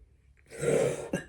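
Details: Single harsh throat-clearing cough burst followed by a brief second clearing sound, indoors, from a woman with repeated coughing while stitching; ordinary cough.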